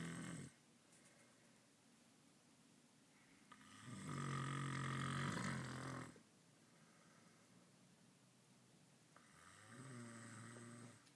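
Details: Loud, rough, rattling snores on each breath, one long snore among shorter ones with quiet gaps, as someone repeatedly tells the sleeper to stop snoring and he does not respond; snoring.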